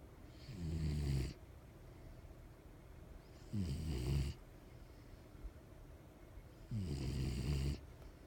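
Low rattling snores repeating about every three seconds, roughly 20 a minute, over steady room noise; ordinary dog snoring.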